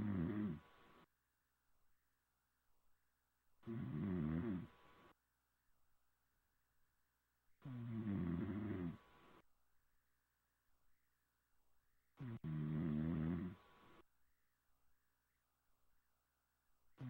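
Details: Snoring over Xbox Live voice chat: loud, rough snores about every four seconds, roughly 14 a minute, with quiet breathing between; ordinary snoring.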